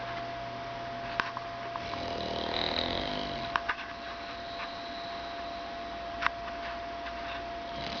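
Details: A single low, rattling snore on one breath from an English Bulldog sleeping in a recliner, over quiet room noise with a faint hum and a few clicks. This is snoring.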